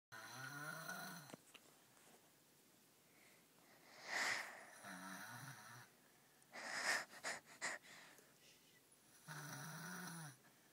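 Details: Sleeping baby snoring: soft, high, whistling snores on the breaths with snuffly sounds between, light infant snoring, while a sister laughs.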